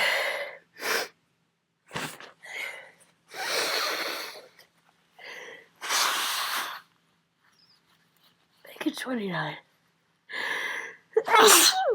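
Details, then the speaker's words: Adult with a common cold for about a week, bouts of uncontrollable, very messy sneezing about every two hours, sneezed glasses off: a series of forceful wet sneezes with gasping breaths between, sneezing from a common cold. "I think I was 19. I I just literally sneezed my glasses off."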